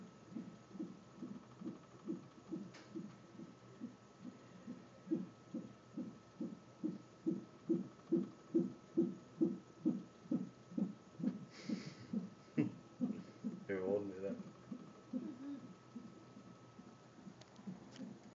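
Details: Fetal heart tones of a baby girl on a Doppler fetal monitor: rapid, regular whooshing pulses at about 135-140 beats a minute, a normal fetal heart rate.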